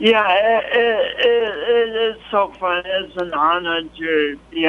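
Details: Pronounced speech impediment in an adult man, present since an early, traumatic birth with loss of oxygen; the impediment is audible to listeners.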